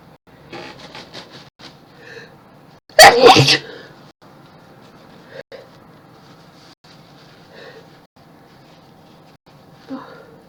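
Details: One loud, explosive, wet, messy sneeze amid quiet room noise and faint background voices; sneeze.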